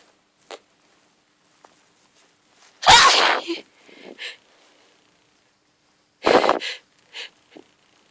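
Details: Hungover adult woman who fell asleep in the garden has a hay fever sneezing bout from grass pollen: two forceful sneezes, each led in by short breaths, with small sniffs around them.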